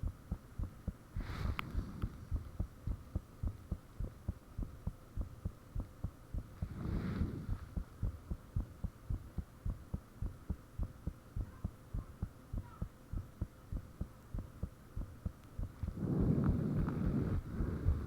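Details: Recording of one's own heartbeat with the fan off, made shortly after the heart began feeling unusually thumpy: steady loud thumps at roughly 105 bpm with whooshing bursts and low hum; valve and blood-rush sounds reportedly audible.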